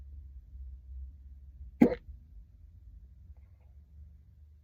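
A single abrupt, brief hiccup over low car engine rumble.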